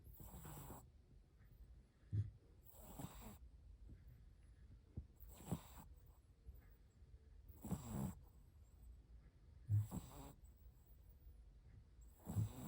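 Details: Shih Tzu puppy snoring while asleep: rhythmic noisy breath sounds, about 24 a minute, quiet background.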